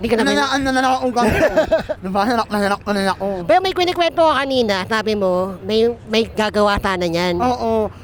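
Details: Young Filipino man, self-described 'ngongo' (nasal-voiced), with palate (ngala-ngala) surgery in childhood and late speech development; hypernasal speech.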